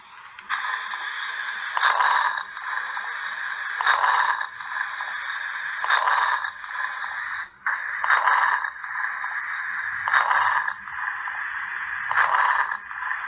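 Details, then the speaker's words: Lung sounds played in a respiratory lecture: breath sounds with repeated brief crackling bursts in each breath, about 29 cycles a minute, identified as crackles. "oh okay so i wanted you to hear it a little bit and of course you're absolutely right those are crackles that's exactly what it is"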